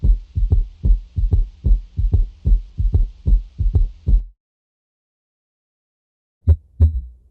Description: 8. S3 08:00